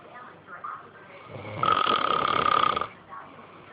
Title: snoring @ it's best